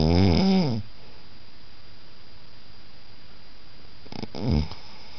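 Loud rattling, buzzing snores on breathing in, with a steady room hiss between them: ordinary snoring.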